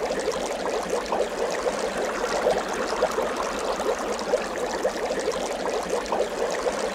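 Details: Portable rechargeable home oxygen concentrator with nebulizer, adjustable 1–6 L/min, running: steady hiss and airflow rush with faint rhythmic bubbling.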